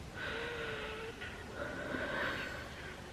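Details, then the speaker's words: Adult with a cold that flared up the chest, chest tight and sore after coughing fits and sleeping sitting up; noisy breaths with steady whistling wheeze on both inspiration and expiration. "have slept here in the living room set up straight and yeah my chest is quite Wheezy and quite tight and not the best so that's great"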